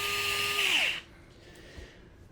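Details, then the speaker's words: High-pitched drill whine that drops in pitch and stops after about a second: a powered intraosseous needle driven at 90 degrees into a pediatric simulator's tibia, 2–3 cm below the tibial tuberosity. "90 degree angle you go into the skin till you hit the bone and then you apply pressure to the drill with a moderate amount of pressure pushing down"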